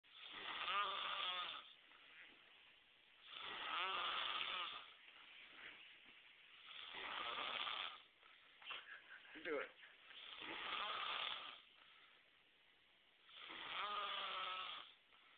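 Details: Steady rattling snores on each breath in, about five breaths a minute, with soft breathing out between; ordinary snoring during sleep.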